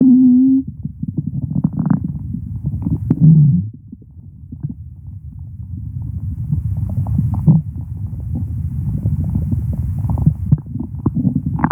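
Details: Low gurgling and rumbling stomach noises with a brief tonal growl: ordinary bowel sounds, stomach growling.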